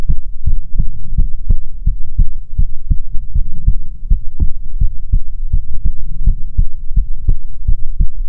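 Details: ASMR heartbeat recording from a female streamer, offered as soothing heartbeats: steady, deep, thudding beats at about 140 per minute under a low hum; normal heartbeat.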